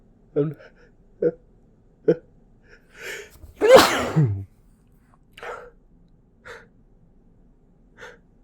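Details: Short sneeze with several catching inhalations building to one loud sneeze muffled into a tissue during a failed attempt to hold it back, followed by quieter breaths.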